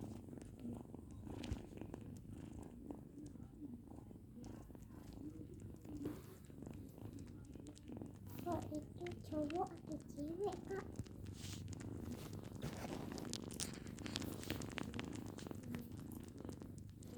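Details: Cat purring: a steady low rumbling purr with faint brief speech and handling noise in the background.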